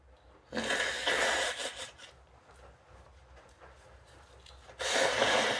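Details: Woman with a cold sneezing and blowing her nose, heard as long, noisy, congested bursts of air through the nose; sneezing and nose blowing.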